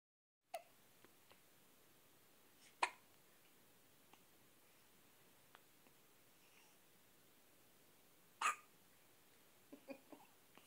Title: Baby hiccups